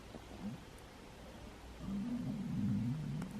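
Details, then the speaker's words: Low, bubbly, irregular gurgling stomach rumbling (borborygmi) from an adult who is hungry and has not had dinner yet, swelling in the second half over quiet room noise. "you hear my stomach grumbling I'm hungry I've not had dinner yet what a Fab weekend gosh my stomach is really rumbling isn't it I think I'm hungry"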